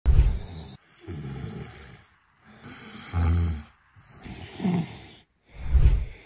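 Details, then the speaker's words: Snoring in a sleeping adult male lying on his back with his mouth open (mouth breathing): loud, rumbling snores with each breath, about five in six seconds, separated by brief pauses. "en este video podemos observar a un paciente masculino que se encuentra dormido boca arriba que como mencionaba en videos anteriores es la posición en la que más frecuentemente se presentan los ronquidos"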